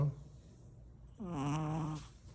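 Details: Pregnant dog snoring: a single droning, slightly tonal snore on an in-breath.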